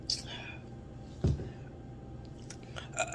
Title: Coca Cola Burps #shorts